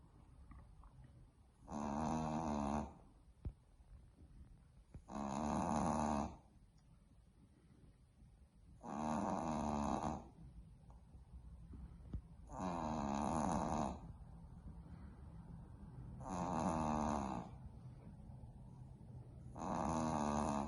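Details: Sleeping Boston Terrier puppy snoring loud, nearly waking herself: regular rasping snores about every 3.5 seconds, roughly 17 breaths a minute, quiet between.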